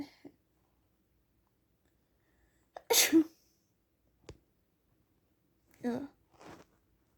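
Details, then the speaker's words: Person with spring sneezy feeling (title mentions spray sneezing): sharp, wet sneeze burst, smaller sounds, then a second sneeze-like burst in a quiet room. "Gosh, I'm just feeling really sneezy. And there's spring, so this is perfect."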